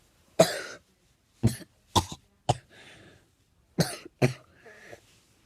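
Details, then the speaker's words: Six sharp, harsh coughs in a short bout, some followed by a brief wheezy in-breath. It is a coughing fit from someone who coughs all day and whose voice sounds a little off. "So, for about 5 minutes here, you're just gonna watch me cough my freaking lungs out like crazy."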